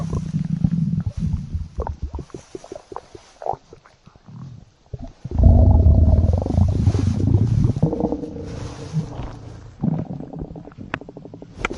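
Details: Stomach growling (borborygmi).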